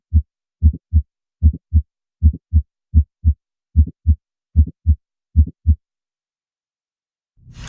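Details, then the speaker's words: Audio sample of mitral valve prolapse: a regular heartbeat near 75 a minute with a short mid-systolic click between S1 and S2, in systole rather than diastole. "what's important is that you recognize the s1 sound and the s2 sound and that you know that the click happened during systole and not diastole"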